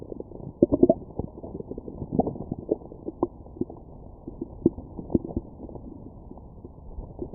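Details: Stomach bowel sounds recorded through a stethoscope after a McDonald's meal: irregular low gurgles and short rumbling bursts, ordinary digestion sounds.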